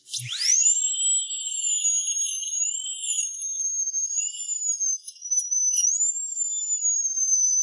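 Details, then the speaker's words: Dental drill used after local anesthetic to remove decayed tissue from a tooth decayed to the nerve, before root canal treatment: steady high-pitched whine wavering slightly in pitch; dental drill. "After the anesthetic takes effect The dentist began using a drill to remove the decayed tissue."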